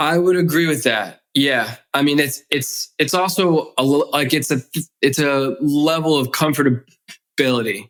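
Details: Adult man who has stuttered since childhood, with the stutter audible in his speech; stuttering.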